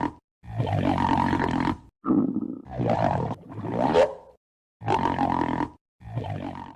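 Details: Long, loud, groaning stomach growls with a droning, almost roaring tone, broken by silences; stomach growling (borborygmi).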